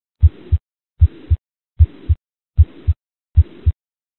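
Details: SAM student auscultation manikin (adult male), simulated mitral regurgitation: heart sounds at about 76 beats a minute with a steady blowing murmur filling systole.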